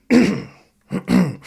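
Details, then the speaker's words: An adult man with a raspy throat deliberately clears his throat as a demonstration, two or three harsh, rasping bursts. "right I just cleared my throat all right now uh cusp okay that's one word we're going to look at here"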